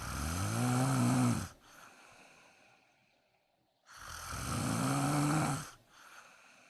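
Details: Woman napping in the daytime: two long, loud rattling snores on breathing in, each followed by a quieter breath out; steady sleep snoring, she wonders if she needs a CPAP mask.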